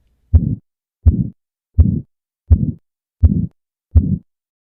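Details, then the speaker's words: Regular beats at about 83 a minute, each a rough whooshing sound that swells then fades: a crescendo-decrescendo systolic murmur of hypertrophic cardiomyopathy from left ventricular outflow tract obstruction, similar to aortic stenosis. "an obstructed left ventricular outflow tract means that blood's forced through a really tiny opening right which tends to cause a crescendo decrescendo murmur where it gets louder as blood first rushes out and then softer"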